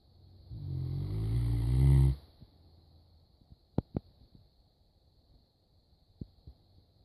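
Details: Saint Bernard dog snoring: one long, deep, rumbling snore followed by quiet breathing and a few soft clicks; snoring.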